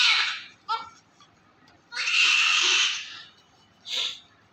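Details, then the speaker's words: Newborn female baby just delivered by LSCS (caesarean), active and being cleaned of vernix: two long bursts of high-pitched crying with short gaps; a vigorous cry after birth, a normal sign of an active, breathing baby. "when the baby came the crying is very necessary because the babies stimulate his lungs the babies have crying if the baby's not crying it means the baby normality"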